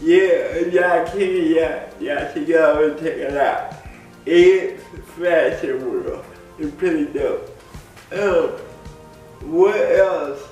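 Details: Adult man with cerebral palsy speaking in a video blog; dysarthric speech in cerebral palsy.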